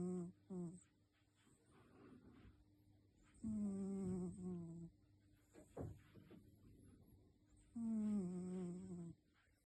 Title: Sweet Snoring Kitty, Sound Up! 📣 #cat #sleepingcat #cute #dreamcat #beautifulcat #snoring